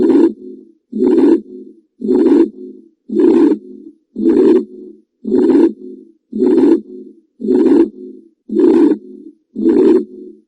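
Regular heartbeat at about 56 beats a minute. Each beat has a loud, harsh sound followed by a softer, rough one. The rushing, noisy quality of the beats fits a heart murmur, an extra sound made by turbulent blood flow through the heart.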